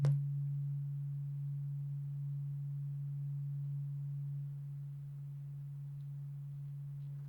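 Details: Simulated cranial nerve exam (ASMR roleplay, eyes closed): a steady, pure humming tone from a struck tuning fork, used as the stimulus as a second fork is introduced. The listener is asked to tell one fork from two.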